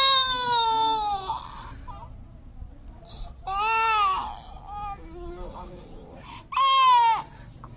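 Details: Baby with a parrot, weeping: three high, wailing cry bursts with falling pitch, separated by quieter whimpers and room noise; infant crying, possibly parrot mimicry.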